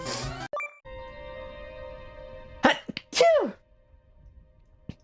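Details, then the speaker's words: A single sharp, explosive sneeze with a brief vocal cry after a held tone from a streamer, who then says "I did sneeze… excuse me"; sneezing. ">> I sneeze. I did sneeze. There it is. Excuse me."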